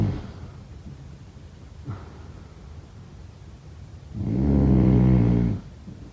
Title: #snoring #sleepnoises #snoringasmr #sleepsounds #snoringsleepingsoundeffect #snoringsounds